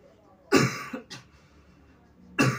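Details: Young man with frequent night-time breathlessness and severe coughing until morning, during a therapy session: two short coughs with a throat-clearing quality and a faint breath between them, in a quiet room.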